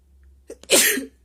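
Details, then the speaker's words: Hay fever sneeze induced with paper by a person whose nose was itchy all day: a short in-breath catch, then one sharp, explosive sneeze. "I'm sneezing all over my body."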